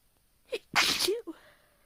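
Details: Adult inducing sneezes on purpose: a quick inward catch of breath, then one sharp, hissing sneeze and a brief exhale after it; a normal induced sneeze.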